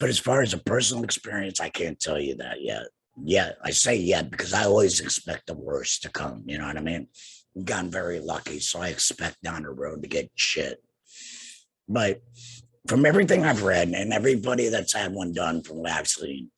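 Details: Adult man two years after total laryngectomy for cancer, also treated with radiation and chemotherapy; no larynx, breathes through a neck stoma, speaks via tracheoesophageal puncture voice prosthesis with an HME: tracheoesophageal speech.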